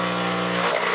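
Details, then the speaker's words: Dental lab vibrator under a stone mixing bowl while flasking an acrylic upper partial denture; loud, steady buzzing hum with harsh rattle. "I'm just putting the bowl on my vibrator now to bring all the stone down to the bottom of the bowl,"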